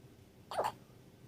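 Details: Newborn girl only a few hours old with hiccups after falling asleep on her mother: a single brief, squeaky hiccup against quiet room noise.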